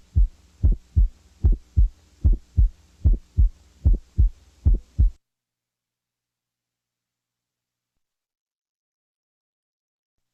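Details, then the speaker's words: Teaching recording of wide splitting of the first heart sound, presented right after a slight, discreet S1 split for contrast. "ahora si va a escuchar este poblamiento amplio del premio a ritmo cardíaco concéntrense por favor para que puedan escucharlo"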